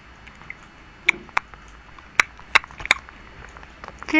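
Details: A person having hiccups.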